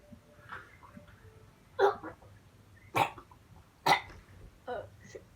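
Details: Four sharp, forceful coughs in irregular succession over a few seconds, with faint room noise between them.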